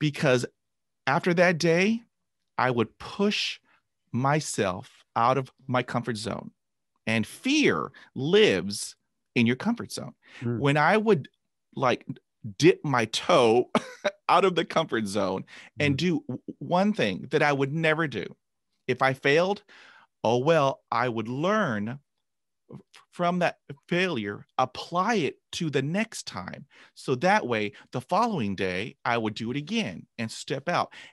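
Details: Adult man who began stuttering at age 5 after a traumatic dog attack, about 45 years of stuttering and 20 years of speech therapy; word repetitions audible. Finding: stuttering.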